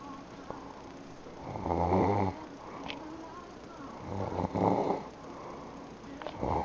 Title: Sister snoring